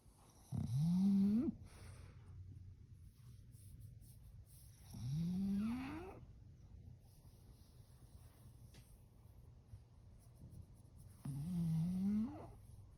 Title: #frenchie sleeps and snores #frenchbulldogs #florida #saturdaynight